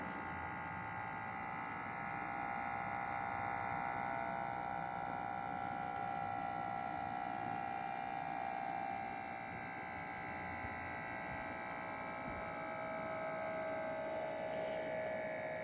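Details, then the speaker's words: Riester RBP-100 blood pressure monitor in manual mode after pressing start: steady motor hum and buzz of the pump inflating the cuff. "อ่ะแต่ตอนนี้เครื่องจะเริ่มปล่อยแรงดันเข้าขับนะครับ"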